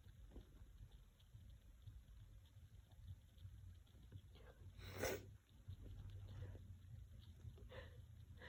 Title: Messy Cold Sneezes (f)